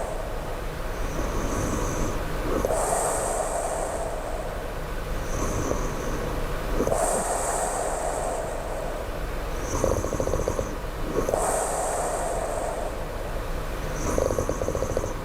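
Slow, rough snoring of about 14 breaths a minute, with a whistling sound on each breath.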